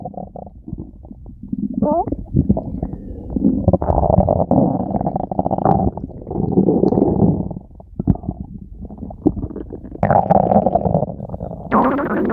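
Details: Stomach growling (borborygmi) from a woman: long, low gurgling and rumbling rising and fading over several seconds.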